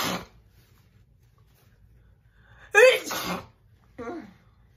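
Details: Woman producing three loud, wet sneezes, the middle one a big forceful burst with a voiced tail.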